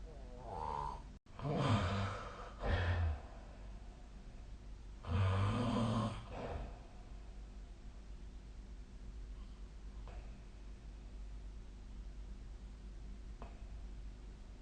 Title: 🐽 本日のイビキ / Snoring Sleep Sound 2025/04/22